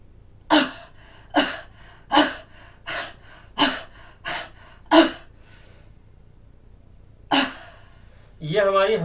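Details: Huffing demonstration for clearing lung secretions (e.g. after COVID), fists at lower ribs, elbows raised on inhaling then brought down with forceful open-mouthed "ha" exhalations: seven huffs, then one stronger burst. Forced expiration technique.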